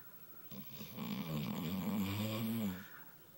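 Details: Pet dog snoring: a single long, rattling, low snore on the in-breath in a quiet room; snoring.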